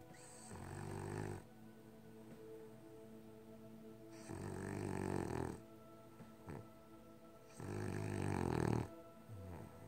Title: Loki sleeping on the couch and snoring